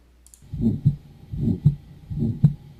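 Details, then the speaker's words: Aortic stenosis: heartbeat with a crescendo-decrescendo systolic ejection murmur between S1 and S2, rising then falling in intensity. "this is also sometimes called called an ejection murmur because this is the type of murmur you get when blood is being ejected from one of the cardiac Chambers and I'll play you an example of this murmur"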